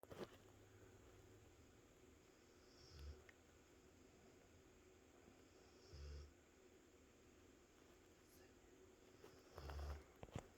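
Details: Sleeping bulldog puppy snoring with eyes open: three low rumbling snores about three seconds apart, roughly 20 a minute.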